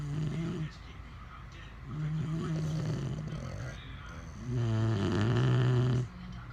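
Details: Adult man and a French bulldog both sleeping and snoring very loudly: loud, low, rumbling drawn-out snores overlapping from more than one sleeper.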